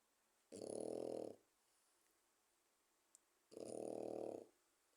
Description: Kuzu, my 4 month old Frenchie snoring. This video gives you guys an idea how loud one would get.